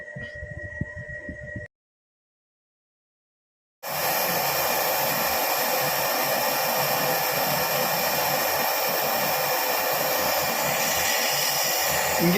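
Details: Laser gum exposure dental procedure: faint beeping and low noise, a gap of silence, then a loud continuous rushing hiss of suction running during the laser treatment.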